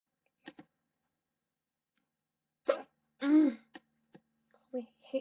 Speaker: God, I hate hiccups so much. Okay, once more people come in, I'll actually do something. And try to get rid of my hiccups.